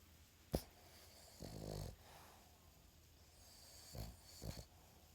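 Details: Digger, a sleeping dog: soft rattling snorts and short grunting breaths, fairly quiet; light snoring.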